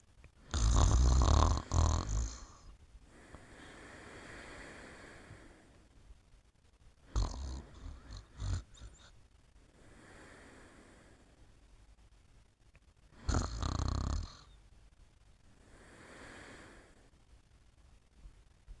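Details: A sleeper snoring softly: low rumbling snores on each breath in and soft airy breaths out, about three cycles a minute.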